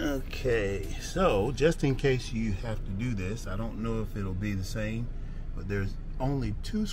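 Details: Adult male speaker; Normal speech.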